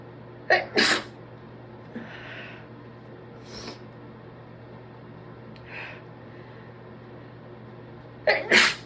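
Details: Two muffled, stifled sneeze bursts, deliberately induced, each with a quick catch of breath, separated by sniffling; suspected stress cold with congestion all day after a 12-hour shift.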